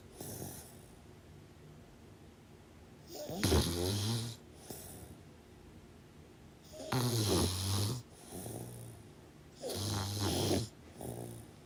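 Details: Loud rattling snores on each breath in with quieter breaths out, about 17 breaths a minute, during sleep; snoring.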